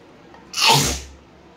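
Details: An adult woman sneezes after tickling her nostril with a rolled paper strip: one forceful hissing sneeze with a short breathy release in a quiet room.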